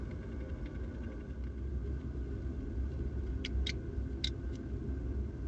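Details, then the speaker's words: Mouse cough ten days after inoculation with whooping cough (pertussis): four faint, sharp, high-pitched clicks like keyboard clicks, over a low rumble. "that high-pitched noise is the sound of a mouse coughing oh it sounded like a keyboard click"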